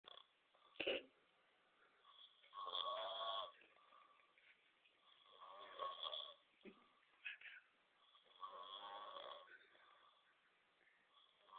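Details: Snoring: repeated raspy, fluttering snores, about four over eleven seconds, with quiet gaps between breaths.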